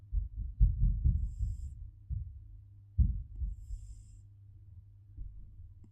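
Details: Cat snoring, described as sounding like a human's snoring.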